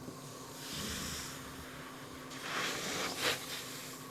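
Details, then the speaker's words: Steady rushing hiss of airflow, swelling and easing with pressure cycles, from a bilevel non-invasive positive pressure ventilator (NIPPV) used for type 2 respiratory failure, nocturnal hypoventilation and sleep apnoea; with the mask off it alarms. "I'm hoping you can hear that alarm. So, as you heard, it alarms when it's not on your face properly."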